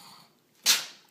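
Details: Dog named Charlie sneezing on command: one short, sharp, hissing sneeze.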